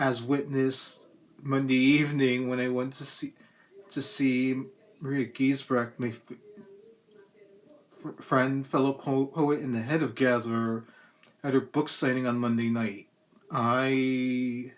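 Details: Adult man with cerebral palsy and a lifelong speech impediment as a complication of it, persisting despite speech therapy through elementary, middle and high school; dysfluent speech (stuttering) with cerebral palsy.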